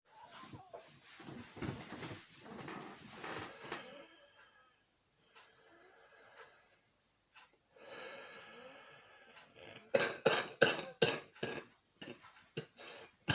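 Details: Intense coughing fit from a cold: noisy, wheezy breathing, then a rapid run of about eight harsh coughs in quick succession.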